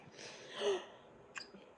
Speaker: That sounds like the baby with the hiccups.